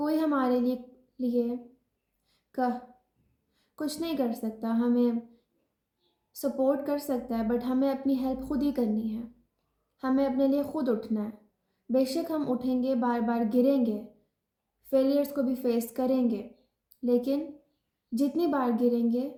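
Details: Adult woman, formerly a severe stammerer, who says she now controls her stammering with techniques learned in self-help sessions and is still on her journey; stuttering.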